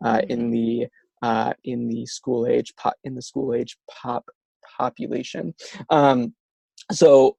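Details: Stuttering in an adult male speaker, a speech-language pathologist who stutters himself; stuttering.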